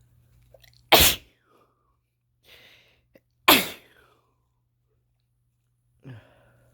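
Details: Male with a cold deliberately inducing sneezes: two sharp, explosive sneezes a few seconds apart, each a sudden burst of air, in a quiet room; sneezing.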